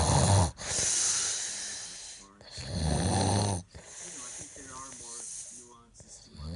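Two loud, rough snores about two seconds apart, followed by quieter noisy breaths.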